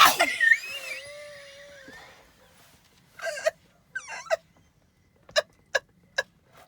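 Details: Sunshine's sneezing session, 14 in a row this time against a record of 18: a squeaky vocal sound, then about five short, sharp sneezes in quick succession in a quiet room; repeated sneezing.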